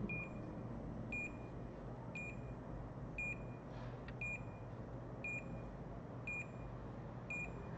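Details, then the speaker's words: Short high beeps about one per second from a peripheral nerve stimulator set to 1 Hz and 100 ms during a teaching demonstration of a regional anesthesia nerve block; each beep delivers a shock. "cada vez que ele soa um bip que ele tá nessa duração e nesta frequência né que a gente pode mudar também olha ele tá dando um choque certo"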